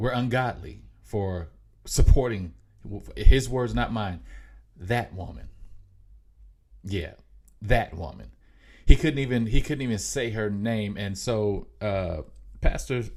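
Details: Mild, self-reported stuttering in an adult male podcast host; stuttering.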